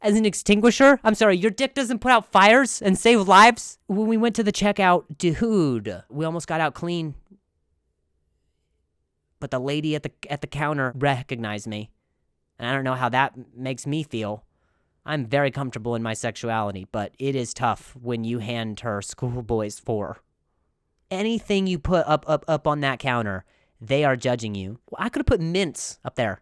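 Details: Adult male comedian telling a story in English, with part-word and phrase repetitions; stuttering.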